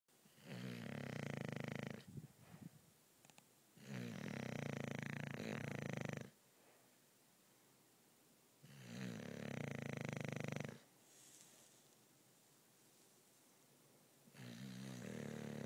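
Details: A female English Bulldog, a loud sleeper, snoring in sleep: loud rattling snores on each breath, about two seconds each with quiet gaps, roughly four breaths a minute.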